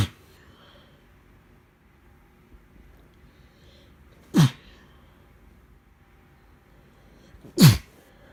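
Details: Adult with a chest cold, who suspects pneumonia, sneezing in a wet, congested fit while driving to urgent care: three sharp sneezes a few seconds apart, the first cut off, over low road rumble.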